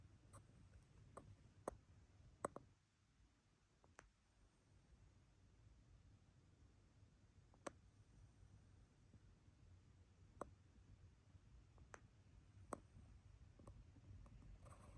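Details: Sleeping Himalayan Persian cat making soft, irregular sharp clicking sounds every second or two over low background hum in a quiet room; clicking noises during sleep.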